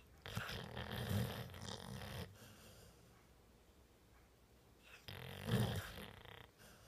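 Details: Pitbull in deep sleep after a long run: two long rumbling, rattling breaths separated by a quiet pause; snoring.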